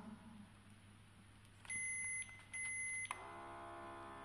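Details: Bluetooth blood pressure monitor started from an Android app: two steady electronic beeps, then a faint pump hum as the cuff starts inflating to begin a measurement.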